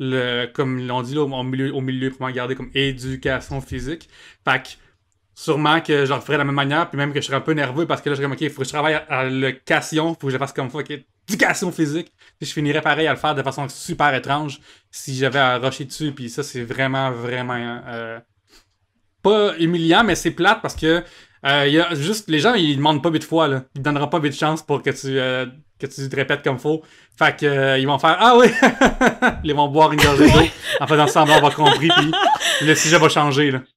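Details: Cluttering in an adult man, a comedian, who only learned as an adult that speech therapy exists for cluttering; it is often mistaken for stuttering.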